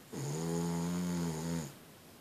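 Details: Boston Terrier sleeping soundly in bed, snoring: one sustained, droning, buzzing breath lasting about a second and a half.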